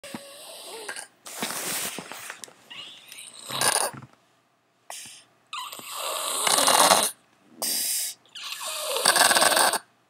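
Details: Sleeping baby snoring loudly: irregular noisy snorting breaths with some quiet gaps, a rough rattling snore.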